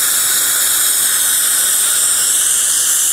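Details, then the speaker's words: Dental handpiece with green porcelain polisher removing diamond scratches after bite adjustment on a cemented porcelain restoration: steady, high-pitched hissing whine. "right now we have the the green and we're going to go in there and just remove any diamond scratches that may be in the porcelain just a little refining"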